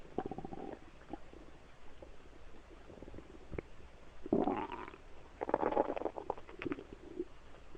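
Low gurgling and rumbling with clusters of bubbly pops over faint background hum; ordinary stomach rumbling.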